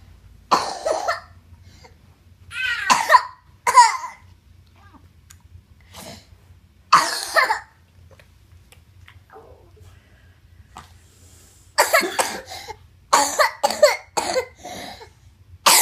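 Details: Child coughs repeatedly, a few spaced coughs then a rapid run near the end, recorded for a doctor; cough.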